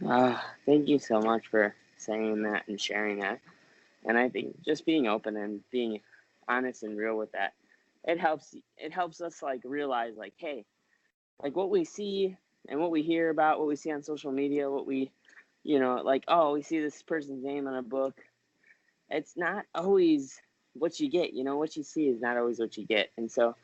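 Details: Adult male speaker; typical speech.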